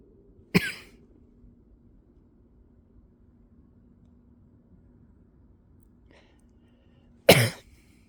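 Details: Two single sharp cough bursts several seconds apart, in a quiet setting with a faint steady hum; reportedly recorded in a boat.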